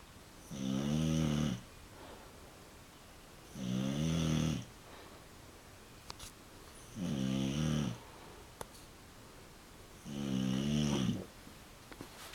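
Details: Four loud, rumbling snores on the in-breath, roughly every three seconds (about 19 breaths a minute), with quiet pauses between them; snoring.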